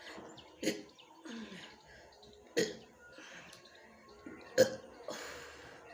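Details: Woman burping after drinking Thums Up cola in a burping challenge: three short, abrupt belches about two seconds apart with faint background noise.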